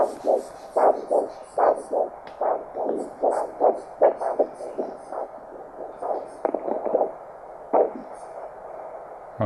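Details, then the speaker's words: Handheld Doppler over the brachial artery during an ankle-brachial index check, about 74 a minute: pulsing multi-part whooshes, a normal triphasic arterial pulse waveform, before cuff inflation; brachial systolic pressure 100 mmHg. "no that's a nice signal it's a normal triphasic pulse waveform that we're hearing with our Doppler"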